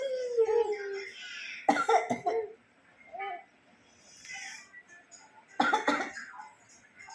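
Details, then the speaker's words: Grandmother coughing while a young child laughs; cough sounds over Telugu speech about having a strong cough. "దగ్గు వచ్చేసిందే నాకు. దగ్గు వచ్చింది, దగ్గు వచ్చేసింది, గట్టిగా దగ్గు వచ్చేసింది, దగ్గు వచ్చేసింది,"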